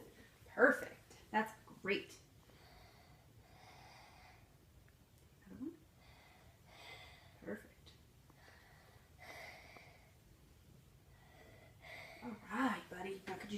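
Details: Six-year-old boy, heart rate 90, auscultated on the anterior chest while taking deep breaths with his hands above his head: slow, soft deep breaths with quiet clear airflow, no wheeze or crackles; normal breath sounds.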